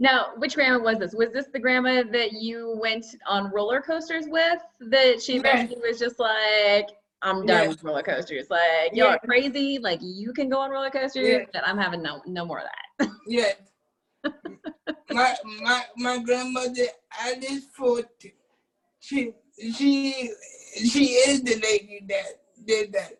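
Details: Adult man with cerebral palsy since birth, wheelchair user, whose family was told at birth he would not be able to speak; speech in cerebral palsy.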